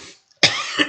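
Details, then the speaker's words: Single sharp dry cough in a quiet classroom from a teacher during a lesson; the teacher says allergies come every winter and that it is not COVID. "어 선생님 지금 기침하고 막 그러는데 선생님 겨울만 되면 그 알러지가 생겨 알러지 그래갖고 아 막 좀 어렵습니다 그죠 근데 뭐 코로나 걸린 거 아니니까 여러분들 너무 두려워하지 마시고 들으세요"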